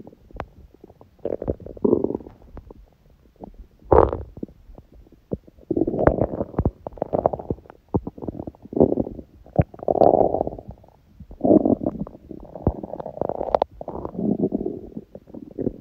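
Repeated loud, resonant gurgling growls in bursts, ordinary hunger bowel sounds from an empty stomach.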